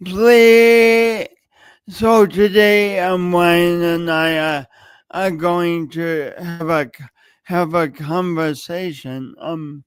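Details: Adult man with a long-standing speech impediment, no specific diagnosis named, audible whenever he speaks; speech disfluency (prolongations and repetitions).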